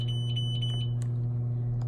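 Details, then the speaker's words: Zoll monitor in pacing mode, rate raised from the default 70 to 80 per minute and output mA increased: a steady electronic alarm tone over a low hum because no rhythm is detected. "output MA and it's going to alarm it because there's no rhythm detected but that's how you would do that"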